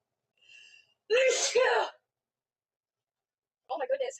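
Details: Loud two-part sneeze after a short intake, then a brief voiced sound, from a woman in a looped sneezing-fit clip; she says it is her fourth in a row.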